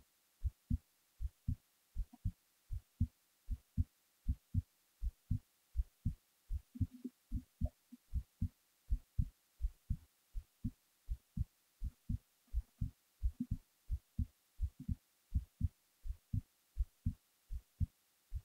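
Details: Steady paired lub-dub heart sounds at about 80 beats a minute in a quiet room while the person was falling asleep; ordinary resting heartbeat.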